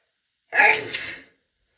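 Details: Female's very big sneeze: a single loud, explosive sneeze with a sharp burst of air that fades in under a second.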